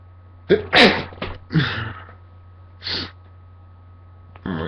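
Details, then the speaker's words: Person congested after waking, possibly light-triggered: several explosive sneezes in quick succession, each with a sharp intake and forceful burst; sneezing fit over steady background hum. "like i think that was three sneezes in a row but the last one yeah they sounded like coughs at the end was really weird"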